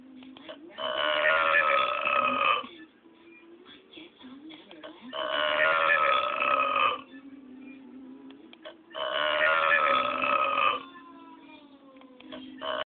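Three long, loud, drawn-out belches about two seconds each, separated by short pauses; repeated burping.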